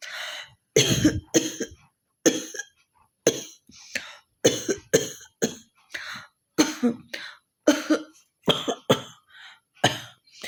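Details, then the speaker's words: Woman performing a cough/hawking challenge: repeated forceful harsh coughs with throat-clearing hawks in quick succession, about a dozen bursts; acted, deliberate coughing. "তো একটু ভালো কাশি কাশি হয়েছে, তো চলো ভাবলো কক চ্যালেঞ্জটা করাই যাক।"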